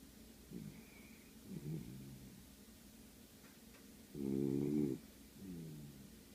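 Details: Dog: soft snuffling breaths with one louder, buzzing snort over quiet room noise, described by the owner as snoring very loudly; snoring.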